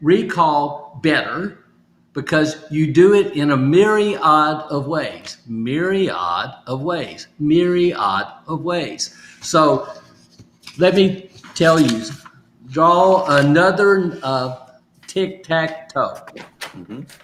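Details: Adult male stroke survivor with aphasia, still recovering, practising phrases from sticky notes as part of home therapy; aphasia.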